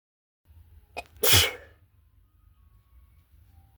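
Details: Single sharp, hissing sneeze preceded by a small catch in a quiet room, from a pet cat with a cold; sneezing.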